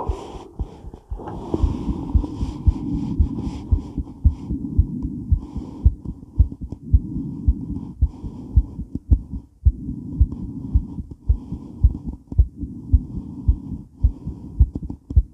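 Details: Female heart recorded during and after weight training while moving: fast, pounding heartbeat around 110 a minute with movement noise and rustling, heavy breathing; normal exercise tachycardia.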